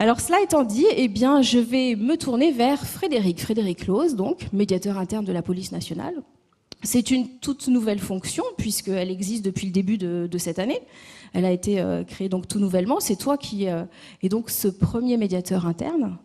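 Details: Adult woman speaking French; normal voice.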